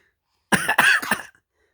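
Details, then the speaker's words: Young child imitating her father's cough, who coughs from an itchy throat: three quick, voiced cough bursts in a row; imitated cough. "Ba đừng ho nữa. Ba ngứa cổ ba ho chứ tự nhiên con ho theo."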